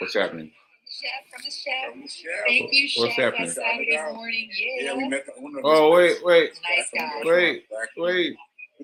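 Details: Adult speaker; normal speech.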